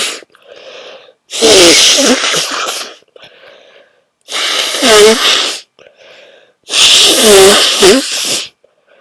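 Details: Very strong sneezes, hard to announce: three loud, explosive sneezes, each preceded by a short catching inhalation, about 21 per minute; forceful sneezing.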